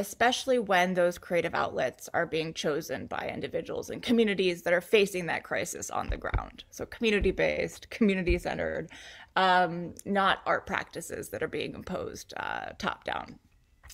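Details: Adult woman with a neurological disorder causing episodic muscle spasms that sometimes take her to the ground; hiccup-like speech interruptions (neurological).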